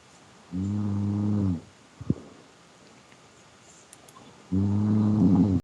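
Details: A sleeping pet snores with two low, buzzing, droning breaths about four seconds apart and a faint click between them, in a quiet room.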